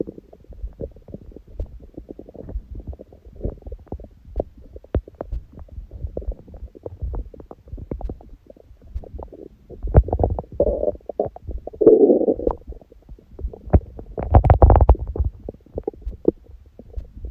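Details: Own stomach sounds after a raw-food meal and ab workout; fasted with only water from 19:00 the previous day, first meal at 16:00 eaten in a binge; frequent gurgling, bubbling and rumbling with louder growls: active normal bowel sounds.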